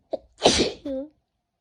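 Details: Person with a cold and heavy congestion, possibly moving to the chest: a quick in-breath, then a single forceful sneeze ending in a short voiced sound.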